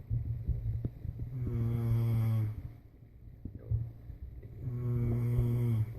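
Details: Two long, deep, droning snores with a buzzing low tone on each inhalation, separated by quieter breathing; loud snoring in a sleeping adult.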